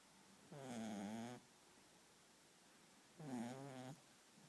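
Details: Two rhythmic, buzzy, slightly whistling snores about 2.7 seconds apart in a quiet room from a little beagle sleeping on a couch: snoring.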